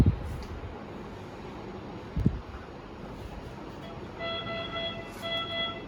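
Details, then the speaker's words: Patient monitor demonstration: repeating electronic alarm tones after the SpO2 alarm limit was deliberately changed to trigger it; the display turns red, meaning a high-priority alarm. "It will be changing to red. Okay. Red means high priority alarms."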